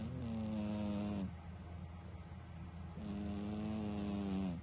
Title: MUST WATCH! My cat snoring loudly (this is funny as crap!)